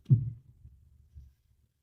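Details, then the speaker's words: Aortic stenosis heard at the first aortic area, with an ejection click noted if congenital: low heart sounds with a sharp early click and a trailing systolic rumble. "الفيرست أورتك إيريا بسمع أورتك ستينوسيس. [موسيقى] ولو كونجينيتال. ساعتها أسمع الإيبيكس إيجيكشن كليك."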